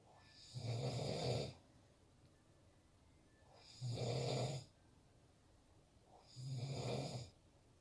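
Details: Loud snoring in a sleeping adult man (husband): three rough, rumbling snores on each inhalation with quiet gaps between, about 21 breaths a minute.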